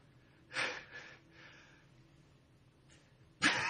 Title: trying not to sneeze during a live stream